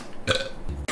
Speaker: oh man excuse me I just burped oh excuse me